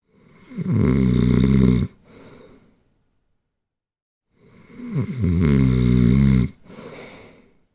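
Two loud, buzzing, low snores on in-breaths, each followed by a softer out-breath, in a quiet room; snoring.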